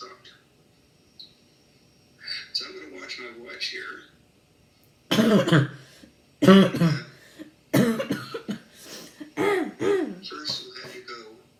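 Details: Three loud, harsh, dry coughs in quick succession amid softer vocal and throat noises; chronic non-productive habit cough.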